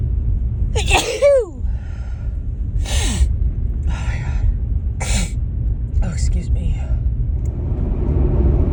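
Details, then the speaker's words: Female with allergies, a morning run of sneezes in a car: several sneeze-like bursts with voiced onsets over steady low engine rumble; sneezing. "Just can't stop sneezing this morning. Oh my God. Oh, excuse me."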